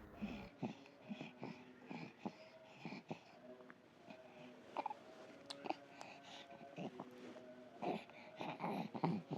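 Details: Baby (Dean) with bronchopneumonia: very laboured breathing with a snoring-like rattling "grok-grok" sound, present even when awake, not true snoring; breathing still not relieved.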